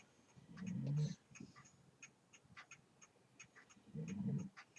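Two low, rumbling snore bursts from a sleeping dog, about three seconds apart, over faint room noise.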